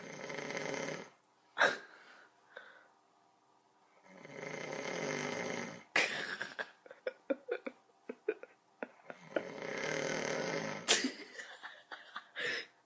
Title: My little brother recorded me snoring my head off